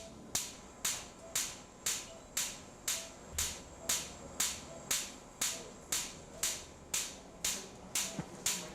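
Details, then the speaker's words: Sharp, regular popping at about 120 per minute: lithotripter shock waves during extracorporeal shockwave lithotripsy for a stone high in the urinary tract, patient under spinal anaesthetic. "Uh these will be generated at about 120 a minute and that's the popping that you can hear right now."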